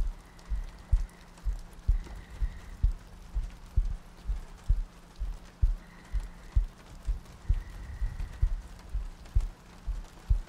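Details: ASMR sleep-aid roleplay of cuddling next to a girlfriend on a rainy night, a looped track with soft breathing: steady soft low heartbeat thumps at about 65 a minute over rain and quiet background tones.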